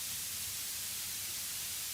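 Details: Steady tinnitus masking noise from a tinnitus masker application, heard while both-ear tuning of frequency and Q settings is active.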